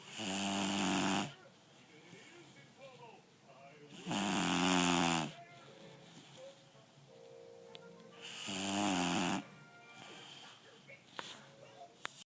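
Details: 5-month-old American Bully puppy snoring: three loud, rattling snores roughly every four seconds, about 15 breaths a minute, with faint background music.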